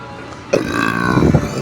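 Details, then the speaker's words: Woman in a store's snack aisle with background music lets out a loud, drawn-out voiced burp lasting about a second, saying her stomach is very bloated. "Excuse me. Oh my god. Oh, my stomach is just so bloated today."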